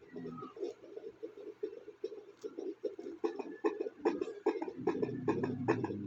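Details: Fetal heartbeat on fetal Doppler: rapid, regular whooshing at about 146 beats a minute, with baby's movement thumps near the end.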